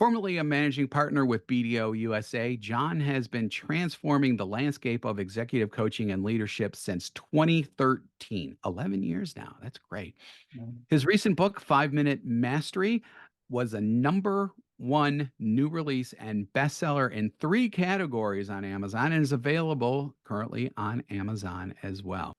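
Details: Adult male speaker; normal speech.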